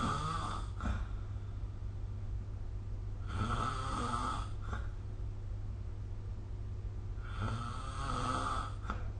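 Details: Snoring during sleep recorded with the SnoreLab app: three loud, rough snores with rattling inhalations, about 4 seconds apart, over a low steady hum.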